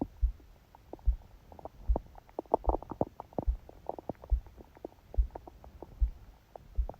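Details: Stomach growling during sleep, phone held on the belly under a book: soft gurgles and bubbling over steady low thumps of a heartbeat that was loud and fast; bowel sounds, stomach growling.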